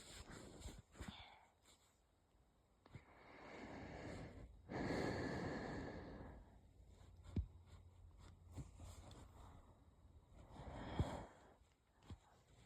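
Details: Soft, light coughs with a faint wheezy, rasping edge between quiet breaths and a couple of stifled sneezes; the person is unsure whether it is a cold or an asthma flare.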